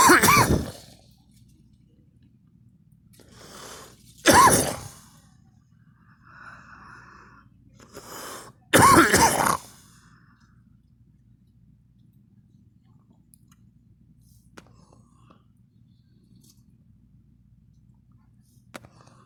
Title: me coughing